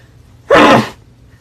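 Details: Cya of the band ONEWE, indoors in a small room, gives a single loud, sharp, explosive sneeze that came on suddenly: sneezing.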